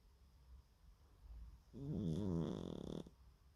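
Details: Cat snoring loudly: a single rattling, vibrating snore lasting about a second and a half, rising out of quiet breathing.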